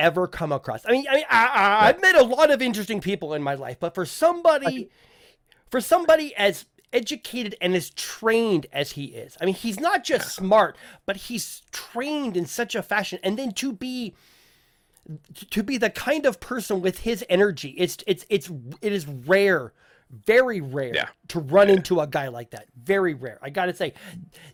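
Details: Adult male podcast host who says he stutters, with listeners in voice chat often asking him to repeat himself; stuttering.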